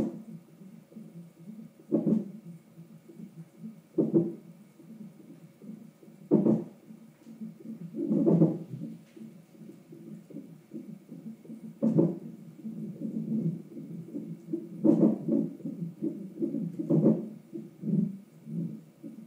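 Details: Short, jerky low bursts recurring every two to three seconds in a quiet room, recorded on a monitor during a Kaiser check-up, hiccups in a child (frequent hiccups lately); hiccups.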